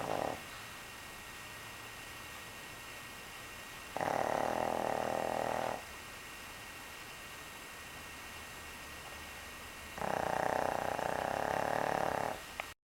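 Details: Long, rasping snores about every six seconds with quiet pauses between; steady snoring during sleep.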